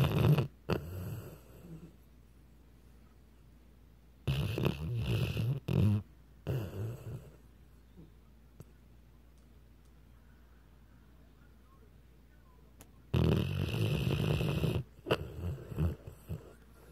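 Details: Weimaraner dog snoring: low, rough snorting snores in a few bursts separated by long quiet pauses.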